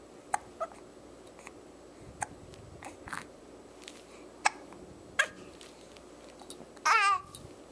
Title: Hiccups During Playtime